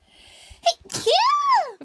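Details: A quick intake of breath, then a single high-pitched, squeaky sneeze ending in a voiced rising-and-falling cry, from a livestream sneeze compilation; an ordinary sneeze.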